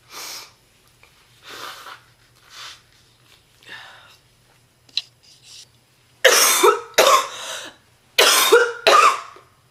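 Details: Real (not acted) smoker's cough from a sick adult woman who is a heavy smoker: non-stop intense, deep and painful coughing fits.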